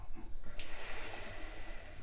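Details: Normal breath sounds from an adult male in a simulated ASMR doctor roleplay exam, stethoscope on the chest during a slow deep breath and hold: a steady, soft rush of air with no wheeze, crackle or catch.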